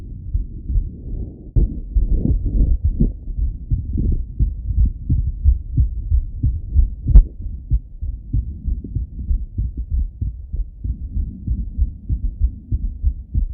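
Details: Male full heart auscultation through a stethoscope, recorded partly sitting at a desk and partly lying in bed: steady low thumping heartbeat with some rubbing noise; normal heart sounds.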